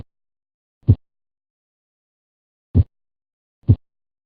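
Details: Simulated normal S1 (lub) and S2 (dub) heart sounds, slowed for teaching to 24 beats per minute: low, dull thump pairs over silence, each pair counting as one beat.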